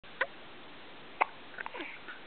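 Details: Two short, abrupt gulping hiccups about a second apart, then soft vocal sounds. The person has been getting hiccups lately, and they are usually louder than this sample.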